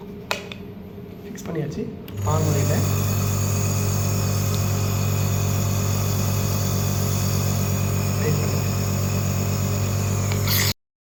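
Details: Omron CompAir compressor nebulizer, used to deliver drug mist for asthma or cold, being demonstrated with the chamber filled slightly above maximum: a click, then a steady loud motor hum with buzzing; compressor nebulizer running.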